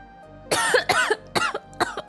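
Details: Adult woman who is sick, with a cough drop in, gives a run of four quick coughs, each ending in a voiced rasp.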